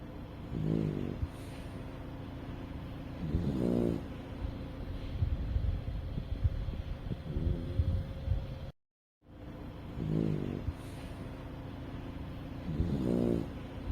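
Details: Pet dog napping before bedtime beside a companion; low, fluttering snores about every three seconds, the sequence repeating after a brief gap; ordinary snoring.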